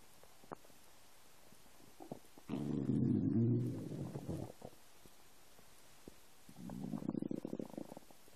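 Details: Stomach rumbling from an empty stomach: two drawn-out low rumbling, gurgling growls; ordinary borborygmi.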